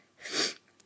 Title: High-pitched sneezes (plus little bits of coughing and rambling about feeling icky)